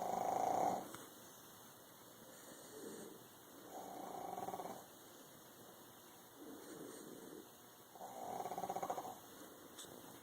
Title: Pug snores